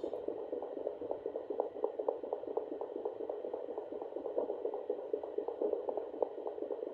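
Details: Doppler on a pregnant feral cat due to give birth any day: rapid, regular whooshing fetal kitten heartbeats, about 240 a minute, with at least two kittens heard.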